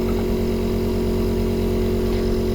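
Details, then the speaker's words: Onemed 7E-series portable suction pump for sucking saliva or mucus, switched on with suction power adjusted: steady low mechanical hum and drone of the running pump motor. "Jangan lupa untuk nyalain tombol on off dan ngur daya hisabnya Jangan lupa untuk menutup ini yang ada di Selang kateternya ya supaya lendirnya bisa tersedot oleh si"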